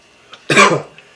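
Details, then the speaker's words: Adult man deliberately triggers a single abrupt, forceful reflex cough, with faint breaths before and after, while inhaling ultrasonic-humidifier colloidal silver vapor deeply through the nose; cough. "there's a real cough reflex from this that sounds familiar doesn't it but if you start coughing just back up a little bit and get a less dense colloidal silver uh solution or vapor you know"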